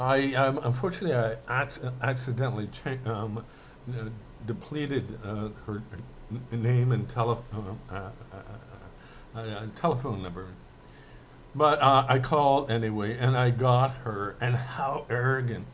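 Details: Adult male who says he mainly stutters when emotional, speaking emotionally here; stuttering.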